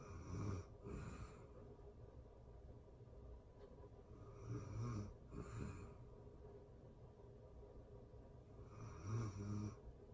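Soft, low snoring and snorting breaths, uneven in rhythm, over steady background hiss.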